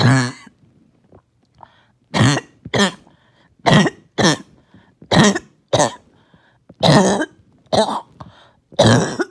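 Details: First coughing fit of the day: repeated harsh, wet-sounding coughs in a run of about ten bursts, as mucus would not come up as needed; wet productive cough.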